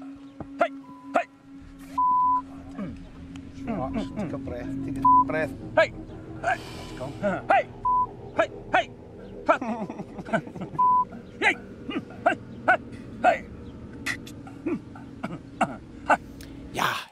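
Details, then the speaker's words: Tourette syndrome vocal tics in people filmed for National Geographic: sudden sharp vocal bursts and outbursts, some bleeped out, recurring over music in a brain-disease lecture. "u ziet bij die bij die eh eh bij die tets ook dat ze ze hebben die die ticks en dat eh dat plotselinge fluiten ehm dat spugen iemand in zijn gezicht spugen en het dan afvegen"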